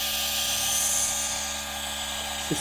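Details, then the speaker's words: G-Tech Compact DC1 compressor nebulizer running and producing mist, described as quieter than other models; nebulizer compressor running. "Can you see the smoke there? Look, it doesn't make as much noise as other models."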